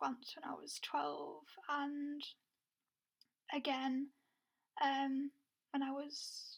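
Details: Lifelong stuttering (stammer) in an adult woman who had speech therapy at ages 12 and 16.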